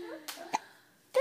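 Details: Six-week-old baby boy: brief, abrupt little bursts of ordinary infant hiccups.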